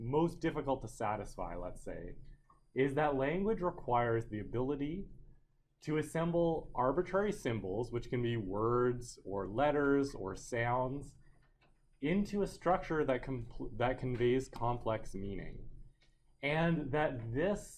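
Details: Adult male lecturer; normal speech.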